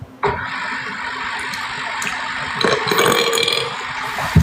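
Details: Long, drawn-out rumbling burp during a live stream, over room noise and background talk; burping.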